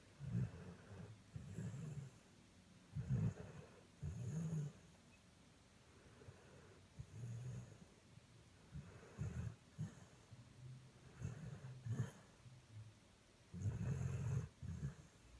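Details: A sleeping dog snores with low, rumbling sounds in regular bursts separated by quiet gaps.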